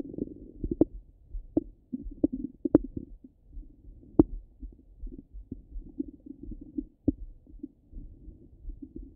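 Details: Bowel sounds from a rumbling stomach: irregular low gurgles and soft rumbles with occasional sharp pops.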